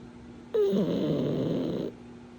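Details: Pug: one loud, rough, fluttering snore lasting over a second; snoring.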